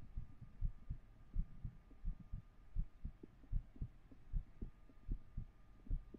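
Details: Soft, muffled paired low thumps at about 80 beats a minute over a faint hum, from a 3Dio binaural ASMR stream; regular heartbeat.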